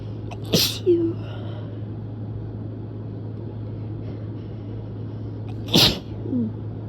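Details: Two sharp, explosive sneezes a few seconds apart, each followed by a brief voiced sound, over a low room hum.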